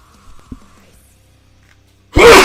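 After a quiet stretch with faint low background hum, a sudden loud, explosive burst of air erupts near the end, a single sneeze from an adult.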